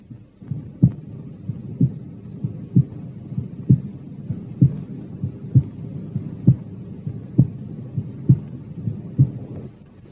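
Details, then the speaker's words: Healthy person, normal heart sounds at standard auscultation points, apex then aortic area: regular heartbeat about 65 a minute with normal first and second heart sounds. "прослушайте нормальные тоны в стандартных точках аускультации сердца на верхушке [музыка] на аорте"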